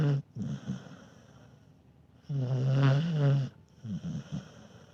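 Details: Dog snoring while asleep: low, rumbling snores, a long buzzing inward snore between shorter snorting breaths, moderately loud.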